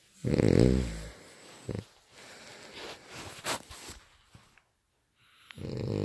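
Loud, rattling snore, then quiet breathing and small noises, and another snore starting: snoring.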